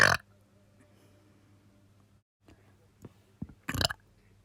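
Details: Repeated burping that the person cannot stop: several belches over a quiet background, the last loud and drawn out.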